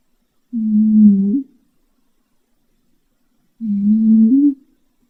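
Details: Sleeping cat snoring loudly: two low, tonal hums about three seconds apart, each rising slightly in pitch at the end, a moaning, whale-like snore.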